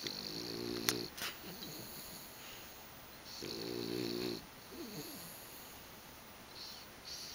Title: Brody snoring